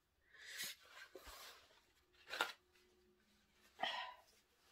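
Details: Adult woman sneezing after deliberately sniffing pepper, then honking her nose to clear her sinuses: breathy sniffing and nasal bursts with two short, sharp sneezes close together.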